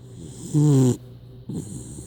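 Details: Small puppy snoring unusually loudly, like a grown man: one loud, deep, rumbling snore followed by a softer snorting breath.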